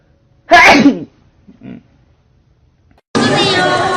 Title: "funny" kpop idols sneezing compilation